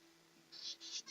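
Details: Young woman with Tourette syndrome vocal tics (squeak- and bark-type, not obscenities), onset triggered by severe anxiety in her last year of high school.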